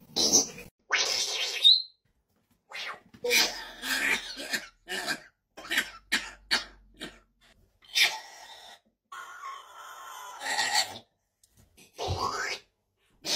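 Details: Rescue parrot imitating the chronic cough of a 66-year-old man with COPD diagnosed in 2008: repeated harsh, raspy cough-like bursts mimicking his persistent cough.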